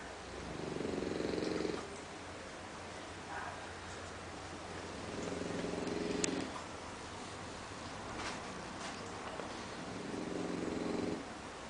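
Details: English Bulldog snoring while asleep: slow, rumbling snores about every five seconds, with quieter breathing between them.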